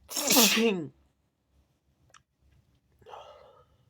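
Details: Person sneezing on a mirror: one loud, wet, explosive sneeze, then a short silence and a soft breathy exhale.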